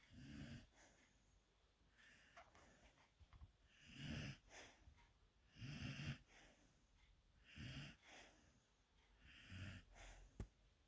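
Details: Golden Retriever puppy lying on a couch, tired after a morning walk and play, sleeping with rhythmic snoring, about 30 breaths a minute, and a rough, fluttering sound on each breath.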